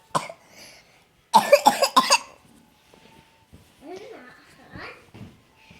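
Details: A 24-month-old boy who tested positive for pertussis (whooping cough) gives a single cough, then a rapid run of about five harsh coughs, with no whoop afterward.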